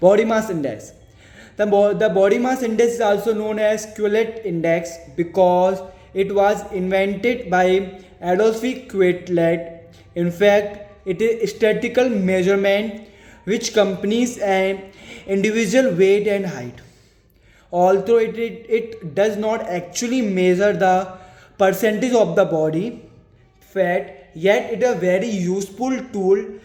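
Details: Stuttering in a speaker reading a passage aloud in English as stammering practice.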